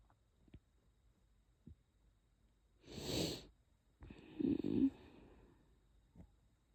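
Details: Adult with chest pain after a cold: two harsh bursts, the second a deep, voiced, seal-like barking cough, in a quiet room.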